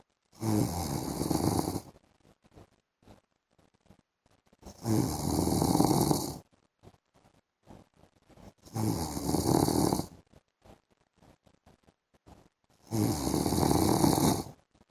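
Four loud, rattling snores on breathing in, about 16 a minute, with quiet gaps between; ordinary snoring.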